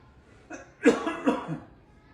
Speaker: Bir öksür bakalım nasıl Öksürüyorsun İyice öksür böyle had Hadi öksür de bir göreyim ince öksür lazım ki göreyim bir kere